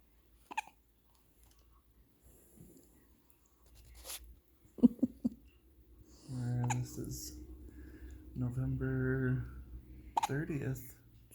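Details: Four-day-old baby girl with hiccups: several brief, abrupt catches between soft infant coos and fussy sounds in a quiet room.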